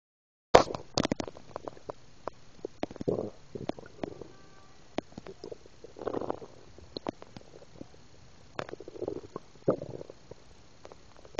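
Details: Gurgling, bubbling stomach rumbles with scattered clicks after drinking milk: active bowel sounds (borborygmi).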